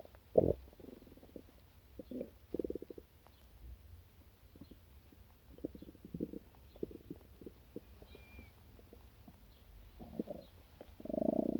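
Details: Soft gurgles and low rumbling bursts from the stomach after breakfast, over a quiet background; ordinary stomach growling after a meal.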